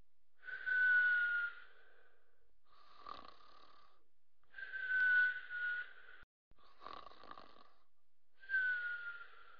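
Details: Soft whistling, nasal snores at about 15 a minute, with faint breathy sounds between them; light, soft snoring.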